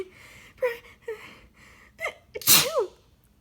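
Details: A person having an almost nonstop sneezing fit (18 sneezes) while trying to read homework aloud: short gasping in-breaths build up, then one loud explosive sneeze with a voiced tail.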